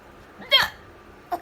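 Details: Hiccups: a single abrupt voiced hiccup, then the start of another short catch of breath, while someone laughs at the person hiccupping.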